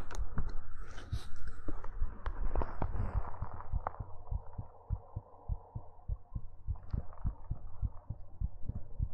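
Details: Steady low thumping heartbeat, about 100 beats a minute, with a low hum and some handling noise early on, from an ASMR heartbeat recording; normal heartbeat.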